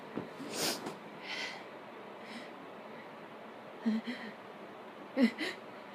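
Several short sniffs and breathy sneeze bursts, with two stronger sneezes near the end; repeated sneezing.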